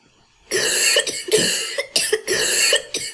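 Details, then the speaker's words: Cough sample from a cough-classification dataset (normal, URTI, asthmatic) labelled upper respiratory tract infection: a quick run of about four harsh coughs in a row. "okay here we have a normal cough here we have a urti off"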